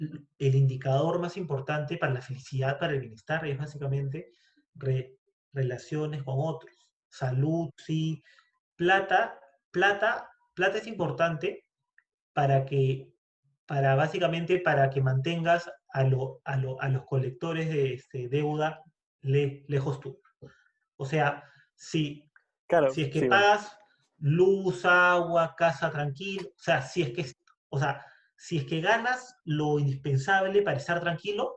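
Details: Adult man who stutters, speaking Spanish in a conversation between two people who stutter, where stuttering variability and blocks are discussed; stuttering.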